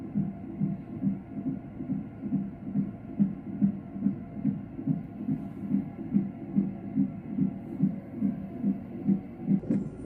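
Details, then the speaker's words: Rapid regular whooshing pulses at about 143 a minute on a fetal monitor strip at 23–24 weeks pregnancy, female fetus, good strip with variability and accelerations, no major decelerations; normal fetal heart rate. "But luckily I was able to get a really good strip and she looked perfect on the monitor. So I was really, really happy and excited about that."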